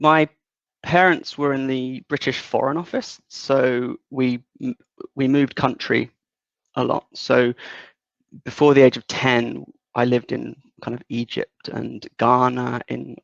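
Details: 37-year-old man with lifelong developmental stuttering since about age three, worse in childhood, partly controlled as an adult, worse under stress or anxiety; stuttering.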